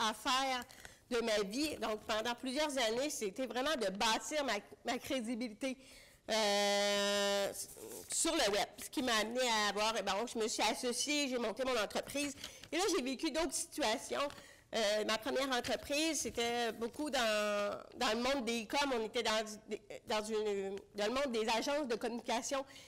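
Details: Deaf speech in French from an adult woman with congenital bilateral severe-to-profound hearing loss; she used a hearing aid for 30 years and recently got a cochlear implant.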